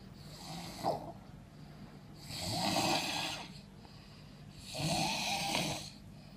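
Three loud, rasping breaths during sleep, about two to three seconds apart, separated by quieter breathing. Snoring.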